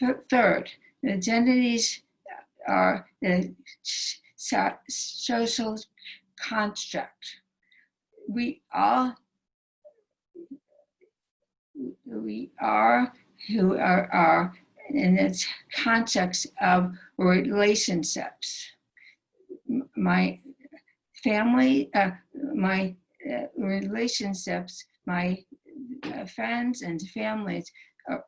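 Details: Aphasia in a female stroke survivor, present since her 2011 stroke and recorded June 2020; the stroke initially took away all her speech.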